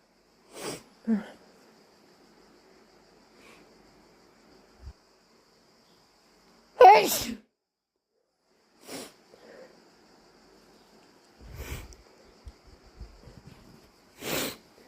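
Several sharp, forceful sneezes, about five, with wet, explosive bursts separated by quiet pauses and a few sniffs.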